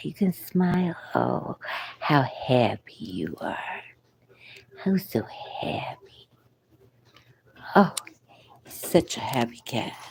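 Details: Adult woman with vocal cord paralysis since a coma, speaking French; she reports having no audible voice for the first month and barely a whisper since; breathy, weak voice; vocal cord paralysis.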